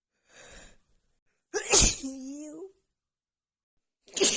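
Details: A woman sneezes repeatedly: an inward breath, one loud voiced sneeze, and another starting at the end, from a sneezing attack she attributes to cold weather and dust after an hour outside in snow with a runny nose.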